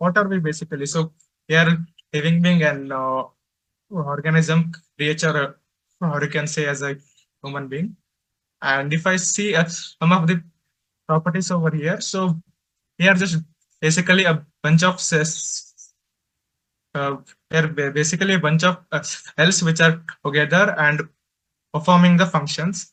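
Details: Man who stutters, presenting for a stammering association at a stuttering conference; he reports difficulty speaking, especially with different people, and mentions blocks while speaking; real stuttering.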